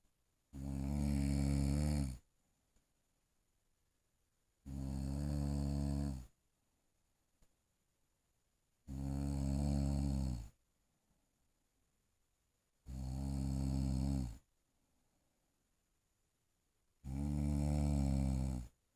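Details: Person sleeping and snoring: loud, low, rattling snores, five in about 19 seconds (about 16 breaths a minute), with quiet pauses between; steady sleep snoring.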